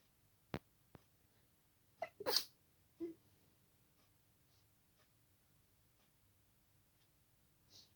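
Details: A few quiet, muffled, held-back sneezes at night with soft clicks and sharp nasal bursts in a silent room, kept as quiet as possible; stifled sneezes.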